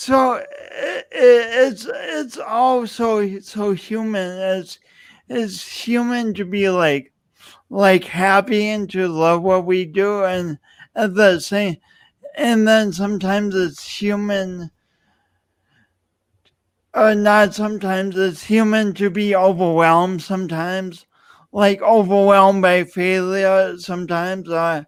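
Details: Adult male speaker; speech impediment.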